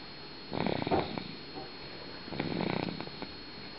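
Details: Snoring while asleep after coming home sleepy: two fluttering, rattly snores about two seconds apart over a steady high-pitched background whine.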